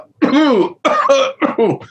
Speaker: Okay, then you get what I call a disorganized cough reflex.